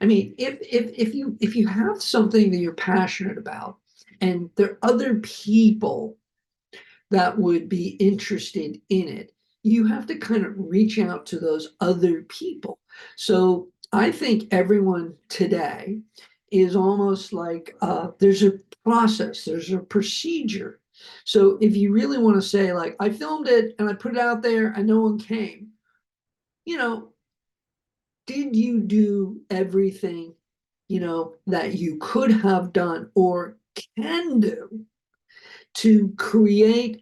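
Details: Adult male producer, a heart attack and aphasia survivor, speaking with repetitions and word-finding difficulty; aphasia.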